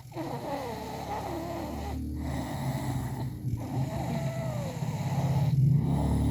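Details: Snoring during sleep after breakfast: continuous low rumbling, fluttering breath sounds with brief pauses, steady and rhythmic.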